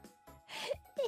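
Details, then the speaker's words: A big sneeze from a streamer who had taken a lot of medicine and was surprised not to have sneezed sooner. "I'm surprised I haven't sneeze yet but I took you took a lot of medicine I took medicine that was a big one"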